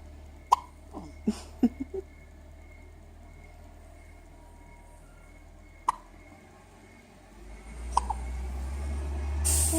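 Several sudden, sharp, brief catches separated by quiet stretches, in keeping with hiccups, with some rising background noise at the end.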